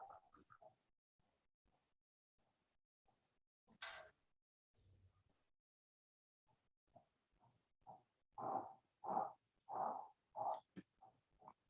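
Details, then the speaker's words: Simulated audio of pulsatile (pulse-synchronous) tinnitus as patients with idiopathic intracranial hypertension experience it: rhythmic whooshing pulses, faint then louder. "to kind of give you an idea of what patients are experiencing when they complain of pulsatile tinnitus or pulsynchronous tinnitus and also double vision"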